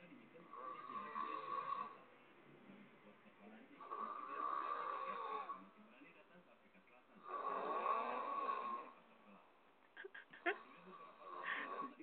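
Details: Friend asleep with a habitual snoring habit: three long, rattling snores about every 3.5 seconds, roughly 17 breaths a minute, with quiet pauses between and a few clicks near the end.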